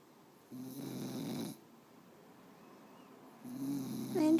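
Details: Tired sleeper who also has hiccups, snoring: two long, low, rattling snores on inhalation separated by a quiet pause.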